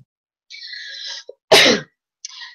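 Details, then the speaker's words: An adult woman, hoarse and not fully recovered from a cold, gives one short, forceful cough between soft hissing and rustling noise. "девочки сегодня извиняюсь я еще полностью не выбирал нибудь дробила поэтому у меня голос такой хрипловатый иногда буду кашлять мы не переживайте"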